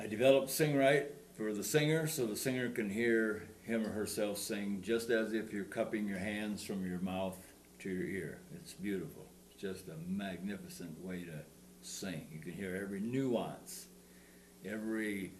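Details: Adult male speaker; Normal speech.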